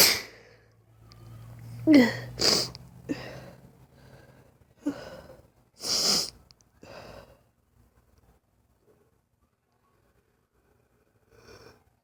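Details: A rapid run of about five sneezes, each with a sharp intake and burst, then quiet and a final sniff. This is a paroxysmal sneezing fit from a lifelong pattern of sudden 3–5 minute bouts, which the person says is not allergy-related.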